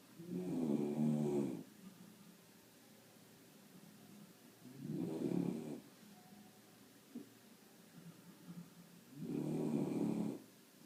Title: Snoring Puppy